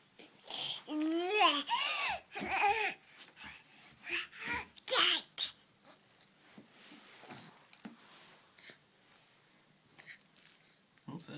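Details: An infant makes several sharp, breathy gasping and squealing sounds, then softer breathing noises; the parent found these gasping sounds turned out to be normal.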